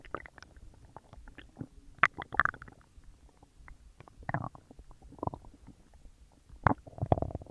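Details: Frequent gurgling, bubbling and squelching with low rumbles from the belly while a huge meal digests; active digestive bowel sounds (borborygmi).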